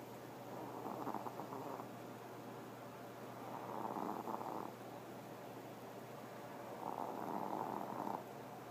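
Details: Pomeranian dog, half asleep and peeping with one eye, keeps snoring: soft, rough, fluttering breaths about every three seconds, roughly 20 a minute, over steady room hum.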